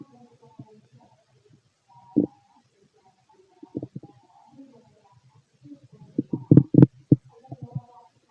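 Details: Normal bowel sounds (borborygmi) from a fit adult male's abdomen heard through a stethoscope: irregular low gurgles and squeaky growls clustering toward the end, ordinary stomach growling.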